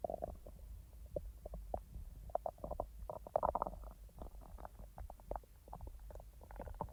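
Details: Real stomach rumbling from the speaker's own abdomen, not recorded in real time because the stomach was barely active: irregular gurgles, pops and bubbling rumbles of digestion, normal bowel sounds (borborygmi).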